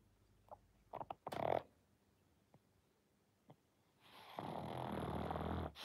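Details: Short snorts and snuffles followed by a longer rough, wheezy inspiratory snore from a sleeping pug; snoring.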